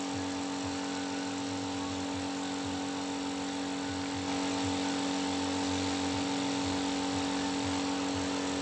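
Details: Omron nebulizer compressor tested after repair for producing no mist: steady loud mechanical drone with a fast, regular rattling pulse of the compressor piston, running normally.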